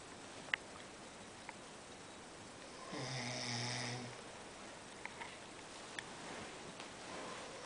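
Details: Snoring from a person who snores all night: a single low, buzzing snore lasting about a second, over steady room noise and a few faint clicks.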